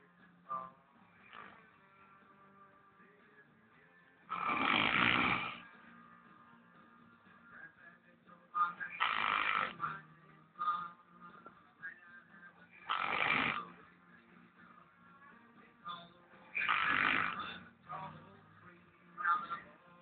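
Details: Real recording of an old man snoring: loud, rough snores roughly every four seconds, about 15 a minute, with faint background music.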